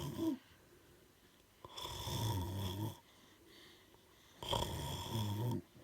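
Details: Two loud, rough, rattling breaths drawn in during sleep, with quiet pauses between them; snoring.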